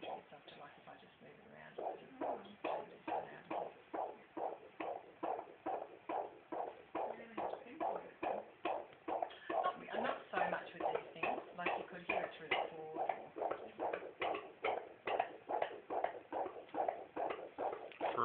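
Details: Rapid, regular whooshing pulses of a fetal heartbeat at about 140 beats a minute.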